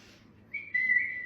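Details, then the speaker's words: A brief high whistle that starts abruptly and is held, from a self-described chronic whistler with Tourette syndrome having many tics after holding them in: whistling vocal tic. "So, I am having I'm having I'm having a lot of ticks right now."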